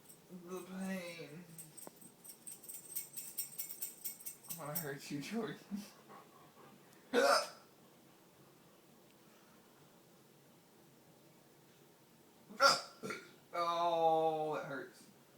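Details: A man, complaining of chest pain, hiccuping while trying to buy Batman tickets: two abrupt, sharp gulping sounds separated by quiet, with laughter and voices around; hiccups.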